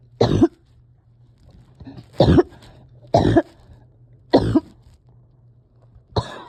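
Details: Repeated coughing in someone struggling with breathing and finding it hard to rest or get comfortable: five harsh, separate coughs about two seconds apart over a low steady hum.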